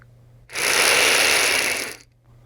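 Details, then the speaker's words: A steady whirring rattle lasting about one and a half seconds as a COPD patient takes a quick deep breath through a Neohaler single-dose dry powder inhaler, the capsule spinning on a second attempt after it was malpositioned, confirming dose delivery. "okay did you hear the difference I heard the whirling noise yeah that means I took a deeper breath the capsule was in the proper position and um the medication was delivered"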